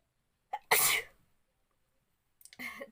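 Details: Sneeze induced by poking hair into the nose in a sneezing challenge: a quick breath in, then one sharp, explosive sneeze, followed by a brief breath or sound.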